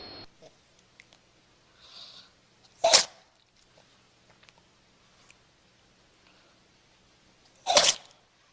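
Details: Puppy sneezing: two short, sharp, high-pitched sneezes in a quiet room, with faint soft sounds between them.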